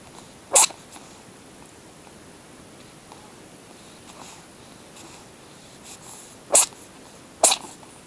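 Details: Kitten sitting on owner's leg making three short, sharp, hissy, odd-sounding sneezes, spaced irregularly, in a quiet room.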